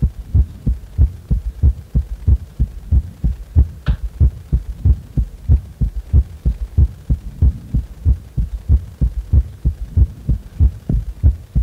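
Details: Heart sounds while resting lying on the back; steady, regular paired thumps at about 94 beats a minute over a low hum: normal heart sounds.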